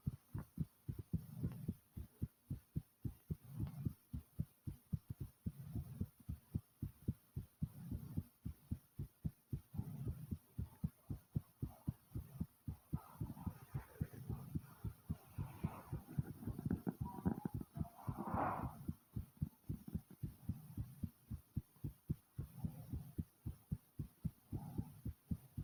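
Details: Strong, pounding heartbeat at about 110 a minute, recorded just after returning from the store: rapid, forceful heartbeat after exertion.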